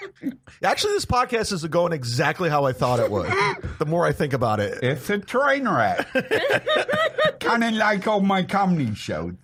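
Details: Adult speaker; Normal conversational speech.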